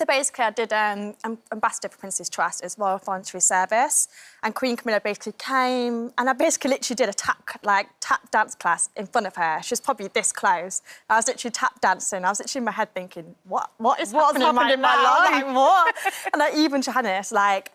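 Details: Deaf adult woman speaking while wearing her cochlear implant, with what she calls a deaf accent; Deaf speech (deaf accent).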